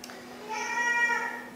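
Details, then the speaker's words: Brief high-pitched wailing cry of an infant in the background of a quiet room during a French spoken talk; infant crying. "Alors vous entendez, il y a un bébé qui pleure, donc je reviens."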